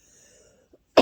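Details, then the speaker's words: A woman with breast cancer recurrence on the liver, shortly after a liver biopsy, coughs; she attributes it to her body detoxing and says she sounds hoarse. After near silence, a single sharp cough burst. "And with that being said, my body is detoxing. That's why you heard the cough. That's why I sound like a frog."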